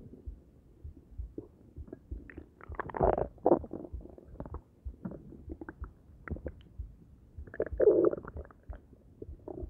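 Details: Stomach gurgling after eating an omelet, coffee and Arizona green tea: low bubbling, gurgling rumbles that come and go; ordinary digestive bowel sounds.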